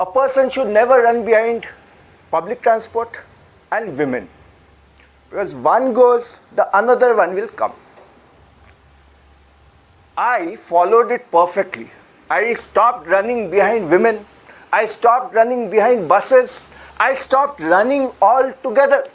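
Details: Adult speaker; ordinary speech.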